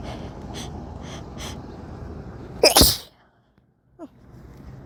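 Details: Noisy background, then one loud explosive sneeze with a sharp outburst of air, followed by quiet; a single sneeze, one of several, somewhat desperate ones at the end.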